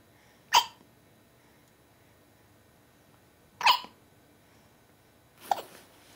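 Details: Hiccups: three brief, sharp, breathy jerks roughly every two to three seconds in a quiet room.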